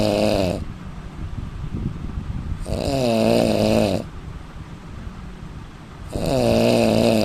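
Loud, rattling snores on each breath in, about every three to four seconds, with quieter breaths out between them.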